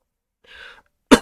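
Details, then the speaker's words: Adult repeatedly coughing while speaking, apologizing that they cannot stop coughing because their throat is destroyed. "You will hear me coughing throughout the entire broadcast, I apologize but I can't help but cough, my throat is destroyed."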